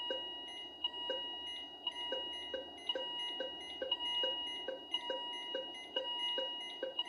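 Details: Philips IntelliVue MP30 patient monitor alarm sounds, ISO and traditional, with ZOLL E Series defibrillator sync and charge pressed manually. Repeating high electronic alarm tones over steady beeping, driven by a rhythm from an ECG simulator; not a real patient.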